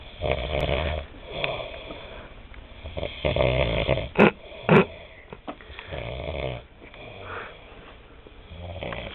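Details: Loud, rough, rattling snoring breaths with harsh fluttering on each cycle and two sharp snorts; heavy snoring during sleep.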